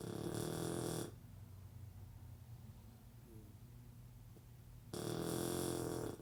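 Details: Blue Shar-Pei puppy, recorded before its surgery, snoring loudly while asleep: two loud, rough, rumbling snores separated by a quiet pause.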